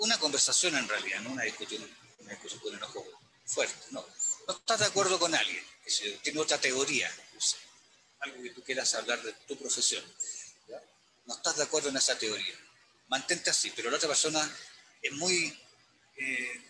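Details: Adult man speaking Spanish; stuttering.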